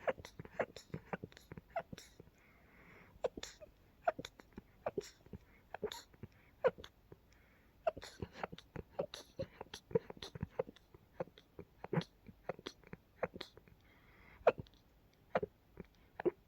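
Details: An adult has a rapid run of many quiet, stifled sneezes in close succession, some time after dusting with an open window while a neighbor mowed the lawn (pollen and dust exposure): a sneezing fit.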